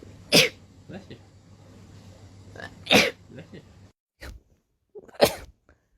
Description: Short compilation of rapid sneezes